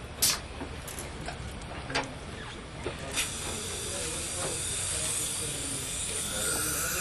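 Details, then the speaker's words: A few clicks, then a high-speed dental drill starts with a steady hissing whine. The bur cuts residual gold of a post near the mesial wall, guided by feel, while keeping mesiodistal and faciolingual position during post-and-core removal. "as before my goal is to feel the resistance of the gold at the tip of the Burr and to maintain the proper position both media distally and facial powers"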